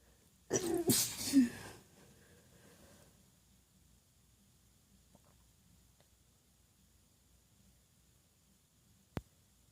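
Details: Female stifling her sneezes to stay quiet while others sleep: a quick cluster of small, suppressed sneezes in a quiet room, then silence and a faint click.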